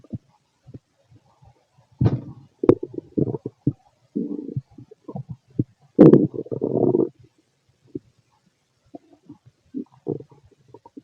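Irregular gurgles, squelches and short bubbling rumbles from the belly: ordinary bowel sounds.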